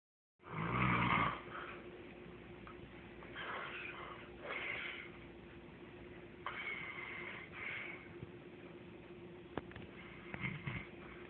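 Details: Snoring, part two: a loud rough snore at the start, then quieter rasping breaths roughly every three seconds over steady room hum.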